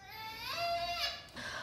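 Brief tonal newborn cry with a rising-then-falling melody stepping about a minor third; a normal newborn cry.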